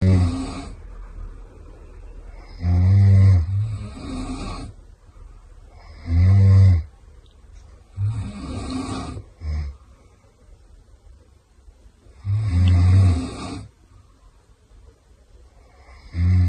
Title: Double Snore!! #viral #ytshorts #shorts